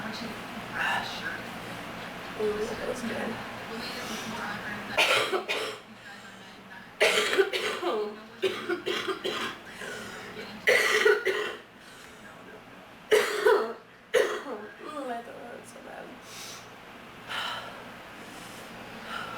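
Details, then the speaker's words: Person who is sick, reporting bad allergies, a sore nose and wanting cough medicine: several harsh, repeated dry coughing bouts with breaths between, in a quiet room. "My allergies are so bad. I'm so sick. It's so bad. Mm. I wish I had some cough medicine."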